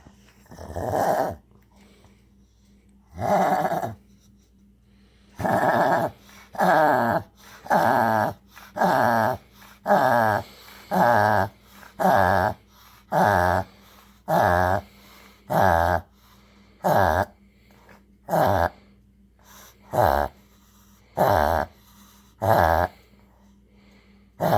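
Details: Pug reverse sneezing: a run of rapid, loud snorting inward breaths with a honking pattern.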